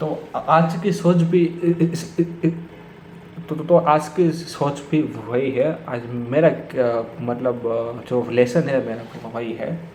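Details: Stuttering in an adult man speaking Hindi who says he has stammered for many years, worse when talking to his father, with blocks on the 's' sound.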